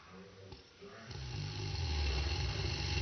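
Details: Adult man (father) snoring loudly, played in slow motion: a quiet pause, then a loud, deep, rattling snore that builds and holds.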